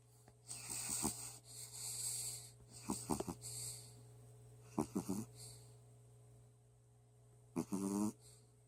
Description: Sully the Shih Tzu snores away.